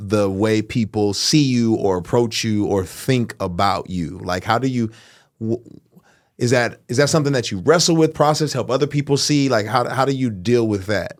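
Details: Adult male speaker; normal speech.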